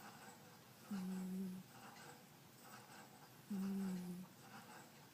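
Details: Sleeping cat; two soft, low, humming snores about 2.6 seconds apart over faint room noise: snoring.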